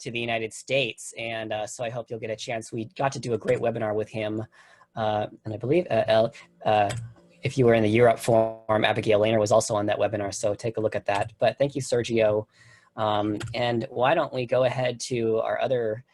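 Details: Adult male speaker; Typical speech.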